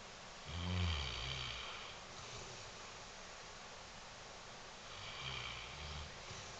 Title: Panny the Mastiff snoring